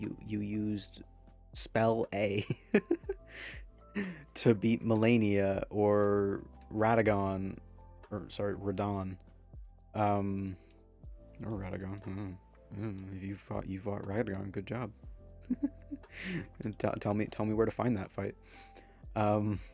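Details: Man who says his stutter is part of him; stuttering.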